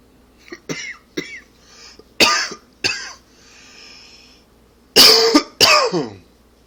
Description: Allergy / smoking cough.